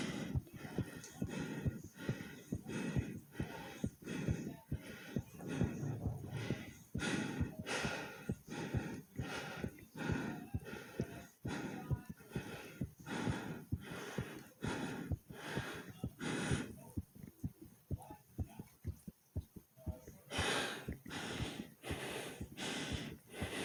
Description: In this video not only is my heartbeat fast and my breathing was hard but my stomach growled right in the middle of it